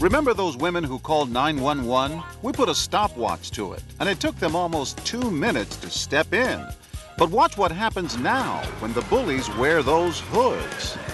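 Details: Adult narrator; normal speech.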